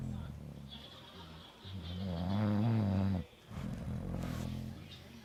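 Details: Snoring in sleep: continuous low, rough, vibrating breathing noise swelling into a louder snore, with a brief pause; wife snoring.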